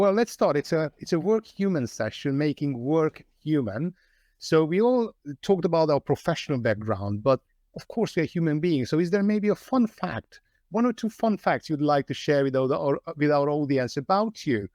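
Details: Adult speaker; normal voice.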